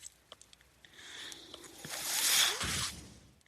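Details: Mechanical ventilator sound heard during a podcast recording: a few soft clicks, then a rising and fading airy hiss with a low thud, one ventilator breath cycle.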